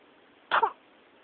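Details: One brief, muffled two-part burst from the throat, possibly a stifled sneeze, over steady background hiss: throat clearing.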